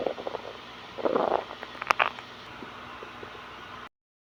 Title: My stomach is begging for food (the sound of my stomach rumbling after fasting for 30 hours)